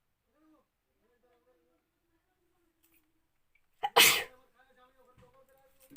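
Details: Single sharp sneeze from a woman, preceded by a quick catch of breath, then quiet; ordinary sneeze induced by tickling the nose with a folded piece of paper.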